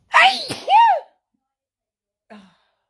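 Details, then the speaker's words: Sneezing fit, possibly triggered by feeling cold, third in two days, sneezer getting hot from the many sneezes: one loud forceful sneeze with a sharp inhaled lead-in, then a faint small sound. "having a sneezing fit. It's just horrendous. Oh God. Oh. And you know, when you sneeze like this many times, you get really hot."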